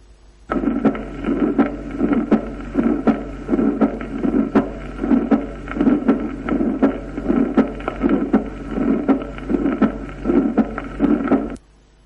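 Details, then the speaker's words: Aortic stenosis with a sclerosed valve: regular heart sounds near 80/min, a harsh systolic murmur and a loud, sharp second heart sound. "si la válvula está esclerosada el segundo ruido es intenso escuchémoslo"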